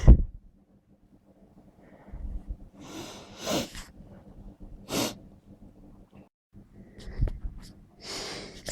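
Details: A run of several forceful, explosive sneezes in quick succession with breathy intakes between, from a person who thinks they have caught a bad cold; sneezes too intense to stifle.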